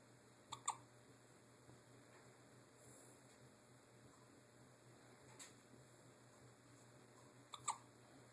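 Three sharp, abrupt hiccups in about eight seconds, with quiet room hum between them.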